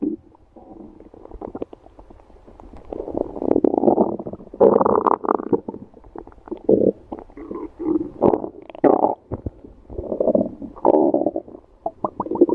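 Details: Ordinary stomach growling (borborygmi) from a woman's belly: long, loud gurgling and rumbling rising and falling in bursts, with crackly bubbling.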